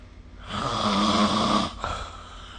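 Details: A single long, buzzing snore lasting just over a second, then a soft catch of breath, recorded during sleep with the SnoreLab phone app; snoring.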